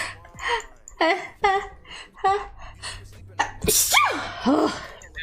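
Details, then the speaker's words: Person sneezing during a livestream after saying it hurts: a few quick vocal catches, then one loud, sharp voiced "choo" burst with a trailing sigh; sneezing. "oh my gosh dang it i i don't think i go a single stream without sneezing"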